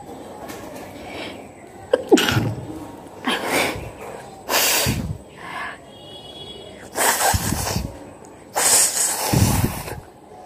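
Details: Acted nose-blowing and sneezing challenge: several loud, deliberate sneezes and nasal blowing bursts.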